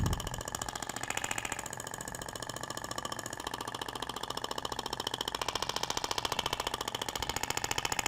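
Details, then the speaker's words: Rapid, regular clicking at about 15 pulses a second from a shockwave therapy applicator held at 90° and moved in zigzag over the trunk near the ribs during practical training; tissue visibly vibrates. "é interessante que você consegue visualizar a propagação da onda você vê que até o tecido vibra né"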